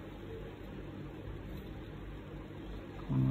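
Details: A ResMed AirMini CPAP machine, a sleep apnea device, runs with no hose or mask attached: a steady low airflow hum, then a louder rise as it ramps up.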